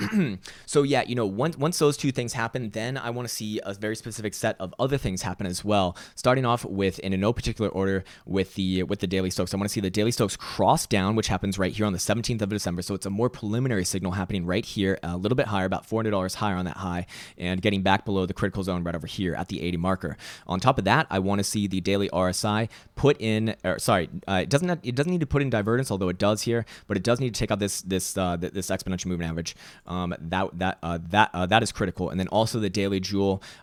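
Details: Stuttering in a male speaker who reports his own stutter and finds it annoying and embarrassing.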